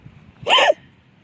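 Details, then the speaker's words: Adult woman with hiccups while taking a dog to the restroom: a single sharp, abrupt voiced gulp lasting a fraction of a second, a typical hiccup. "If you hear me hiccuping, that's why. I have hiccups."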